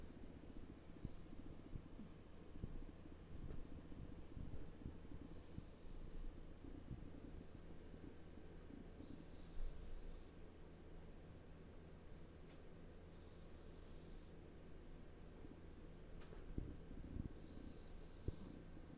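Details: 3-year-old male Ragdoll cat asleep: soft, regular whistling snore with each breath, about 13 breaths per minute, over low background hum; loud snoring.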